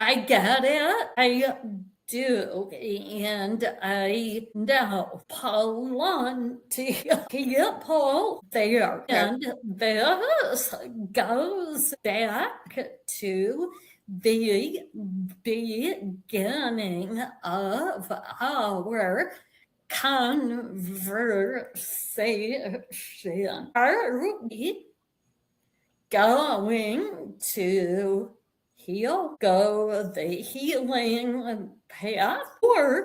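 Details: Vocal tremor in an adult woman, which the description attributes to over five decades of narcissistic abuse and trauma, beginning at age five, affecting her body and nervous system.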